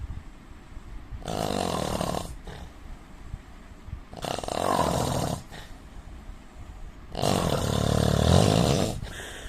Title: Indian man snoring sound 😀